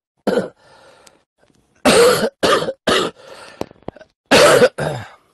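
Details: Five loud coughs in irregular bursts with quieter breathing and small noises between, from an adult livestreamer with a cold, headache and low-grade fever of 37.2 °C.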